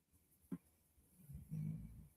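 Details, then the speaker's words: Sleeping dog snoring: a low, rumbling snore heard once after a brief faint knock; snoring. "Do you guys hear that snoring? That is my dog. One of my doggies."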